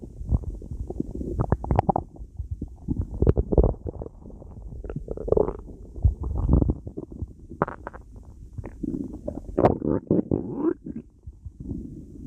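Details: Stomach growling: low gurgling and rumbling bursts from the abdomen, recurring through the clip; ordinary borborygmi, a normal digestive sound.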